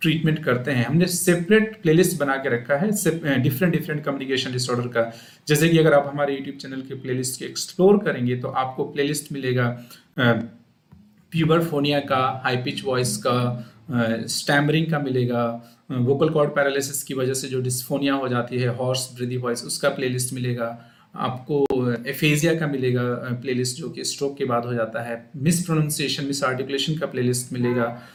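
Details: Adult male speaker; normal speech.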